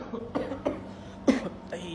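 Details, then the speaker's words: About four short, dry, acted cough bursts from an adult man in a quiet room at bedtime, thinking he needs cough syrup to sleep: cough. "അല്ലാത്ത ചുമയല്ലോ. ഇനിയിപ്പോൾ ഉറങ്ങണമെങ്കിൽ ഒരു cough syrup കുടിക്കേണ്ടി വരുമല്ലോ."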